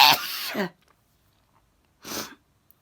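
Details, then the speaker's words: Person with sneezing that troubles them every day, sneezing at bedtime: a loud, explosive, voiced sneeze followed after a pause by a shorter breathy burst, like a stifled second sneeze. "ay i was just about to turn the lights off to go to bed started sneezing i quickly grabbed my phone"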